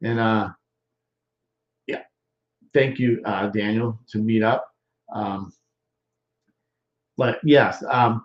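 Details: Male stroke survivor more than 13 years post-stroke with non-fluent aphasia; expressive (Broca's) aphasia.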